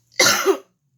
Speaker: Y'all still hear that dry cough?